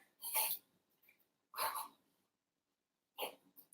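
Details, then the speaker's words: Dog's reverse sneezing episode: three short, harsh snorting inhalations with pauses between; owner worries small things from the yard may have got stuck in the dog's nose. "I'm sorry, my dog has a reverse sneeze. 1 minute."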